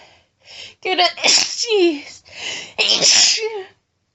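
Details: Woman announcing her sneezes: two forceful, very powerful sneezes, each preceded by a short rising inward breath, a loud burst with a voiced cry; ordinary strong sneezing.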